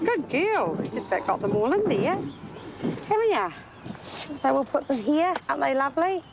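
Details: Adult woman speaking; ordinary speech.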